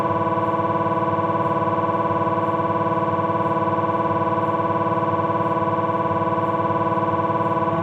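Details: Abdominal MRI on a Philips 1.5T scanner: loud, steady, rapidly repeating electronic buzzing pulses at about 220 a minute; ordinary gradient noise during a sequence.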